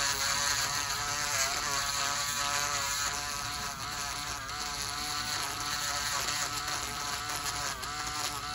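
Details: Steady high-pitched whirring of a rotary nail drill with shifting pitch over faint room noise: reducing severely thickened fungal toenails of a male patient on dialysis for one year with high blood pressure; samples were sent to the lab.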